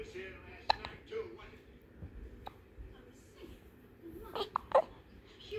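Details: Several short, sharp hiccups, about four in five seconds, against quiet room noise.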